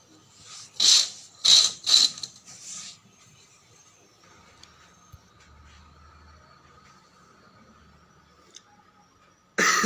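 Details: Acted comedy cough during the COVID-19 outbreak: four sharp, hacking cough bursts in quick succession, then near silence.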